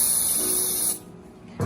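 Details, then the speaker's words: Vapocoolant cold spray, a steady hiss of about one second, applied to numb the skin before a local injection at the fifth toe, which has an apparent second toenail that has grown progressively larger without trauma. "Here we go, cold spray."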